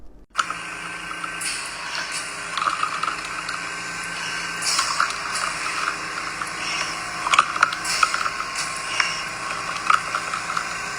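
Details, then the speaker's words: Real recording of an actively dying woman: wet, bubbly gurgling with open-mouth breathing from terminal secretions pooling in her mouth, not lung fluid, as she no longer swallows; the death rattle. "what you heard is called terminal secretions and that happens in almost everybody at the end of life this is not fluid coming from her lungs this is just secretions that are gathering in her mouth and her body is no longer unconsciously swallowing them"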